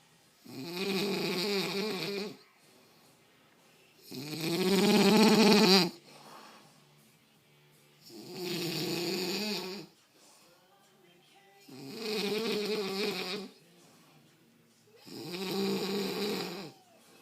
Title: Pig snore